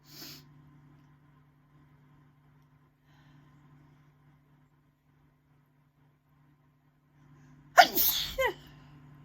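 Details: Rough sneezing attack in a dusty room: near silence, then one sudden forceful sneeze with a short trailing vocal sound.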